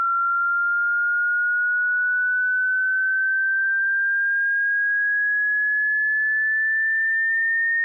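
A single steady pure tone slowly rising in pitch over eight seconds, used for hearing checks or matching tinnitus pitch.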